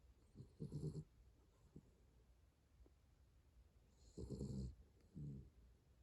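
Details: Dog snoring softly in sleep: low rumbling snorts recurring a few seconds apart in a quiet room.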